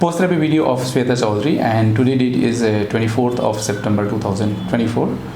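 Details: Adult male speaker; Normal voice.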